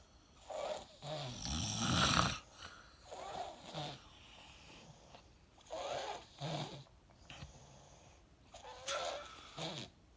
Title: Dad snoring 😴